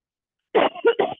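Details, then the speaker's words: Adult with asthma cough during seated resistance band exercises: a short throat clear running into two quick coughs; cough. "Excuse my coughing in the video. I'm sure most of you are used to it. My little asthma cough."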